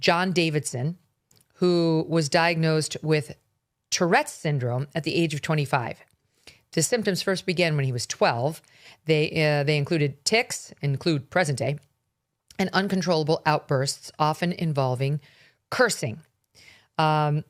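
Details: Adult speaker; typical speech.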